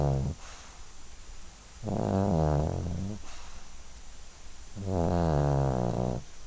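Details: A 12-year-old Yorkshire terrier asleep and dreaming snores loudly with a buzzing sound on each breath, about every three seconds, with softer breathing between.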